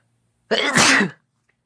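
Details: Adult sneeze induced by chhinkni sneeze powder (couple sneezing): a single loud, explosive sneeze with a brief voiced onset and a hissing burst of air.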